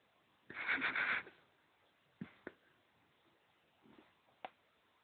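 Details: Small child snoring: a single loud, harsh, fluttering breath under a second, then quiet clicks and soft breaths.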